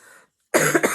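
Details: Cough.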